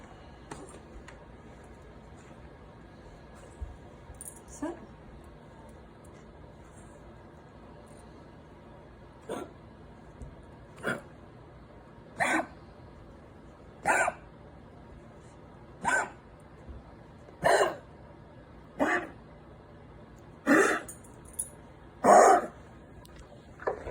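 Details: A dog gives a run of about nine short, dry cough bursts, growing louder, in a quiet room.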